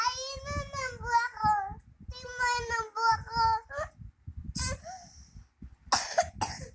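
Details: A young child makes drawn-out voiced sounds, then gives about three short, harsh coughs in quick bursts; cough.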